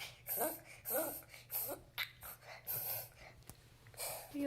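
A pet's repeated harsh, snorting coughs in quick succession, with a faint hum in the room.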